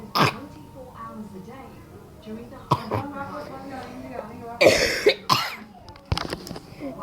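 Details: Voiced laughter broken by several sharp coughing bursts, the laughing triggering the coughs.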